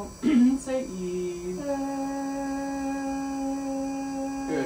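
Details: Normal sustained 'e' from a healthy female speech-language pathologist, after several sips of water in a row, with a rigid laryngoscope passed through the mouth during a swallowing evaluation demonstration.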